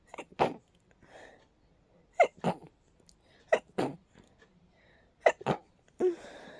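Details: Repeated quick sneezes in pairs with soft breaths between, from allergies acting up, which sometimes cause rapid sneezes; sneezing fit (allergic rhinitis).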